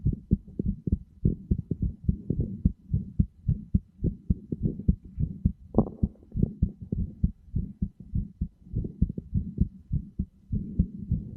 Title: Heartbeat sounds are said to aid sleep; wearing headphones is recommended for best results.